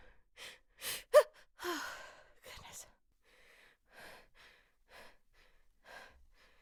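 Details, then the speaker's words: Female sneeze buildup: repeated voiced, hitching gasping breaths and false starts before a strong sneeze, with "I'm gonna sneeze. Oh, God"; gasping. "I'm gonna sneeze. Oh, God. Oh, fuck."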